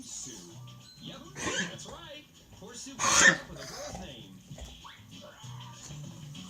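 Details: A dog with kennel cough gives a couple of harsh, forceful coughing bursts over background music.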